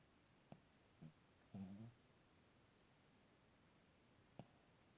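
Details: Two-year-old female Cavalier King Charles Spaniel snoring in the middle of the night: one soft, low rumbling snore amid faint clicks in a quiet room.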